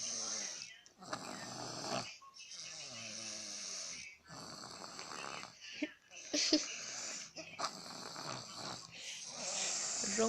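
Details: Sleeping infant nephew snoring: soft, rhythmic raspy noises with each breath, about seven breath cycles in ten seconds.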